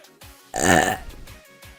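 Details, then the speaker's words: A vtuber on a live stream gives a single loud, drawn-out, rumbling belch lasting about half a second, over background music. "Oh my god. Oh my god. That was a good bird. Excuse me."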